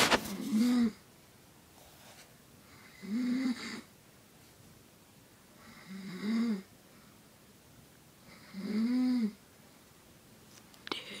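Four rhythmic, rattling snores on inhalation, about 23 a minute, separated by quiet pauses; ordinary snoring in a quiet room.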